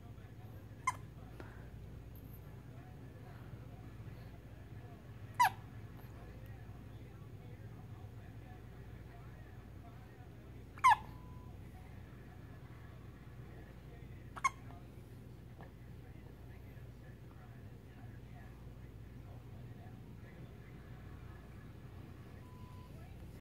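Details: A child's four brief, high, squeaky hiccups a few seconds apart, like a squeaky dog toy, over quiet room noise: hiccups.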